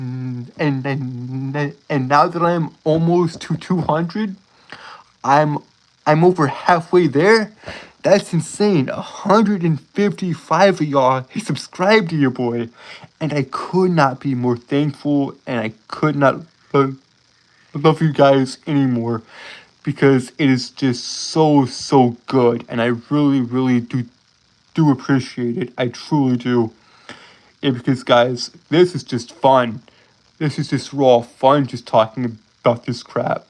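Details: Adult male streamer with a self-reported speech impediment, stuttering.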